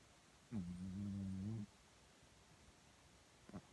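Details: Sleeping dog snoring, recorded on a phone with background noise: one drawn-out low droning snore about a second long, then a brief snort; ordinary snoring.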